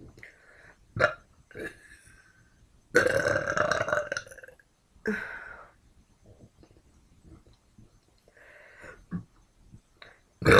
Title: Burping Lady1